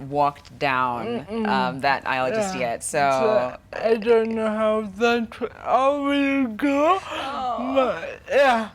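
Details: 25-year-old woman with cerebral palsy from birth brain damage due to lack of oxygen during her mother's prolonged labor, affecting leg and hand movement, coordination and speech; dysarthria.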